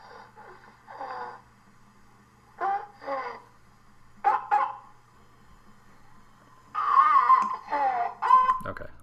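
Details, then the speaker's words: A child gives several short, hoarse, seal-like barking coughs in pairs, followed by an actual seal barking for comparison; barking cough (croup). "spare you the crying, but um that was a couple coughs, sealike coughs, and then it was it was an actual seal barking um for comparison."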